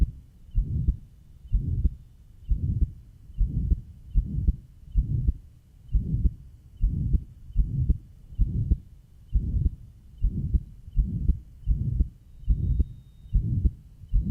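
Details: Johns Hopkins heart sound laboratory recording, 1955, pure pulmonary stenosis, third left intercostal space beside the sternum: regular heartbeat about 70 a minute, each beat carrying a harsh systolic murmur; diastolic "whisp" noted there.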